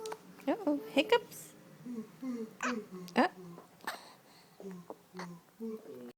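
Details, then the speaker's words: Infant hiccups: several short, sharp, abrupt catches of breath, following sneezes, with soft adult voice sounds in a quiet room. "Uh-oh, hiccups."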